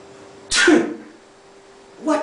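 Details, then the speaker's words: Adult man gives one sharp, forceful sneeze on purpose as a demonstration in an English lesson about saying "bless you" after someone sneezes. "did I just do in English we call it sneezing and what should you say after a friend or coworker sneezes"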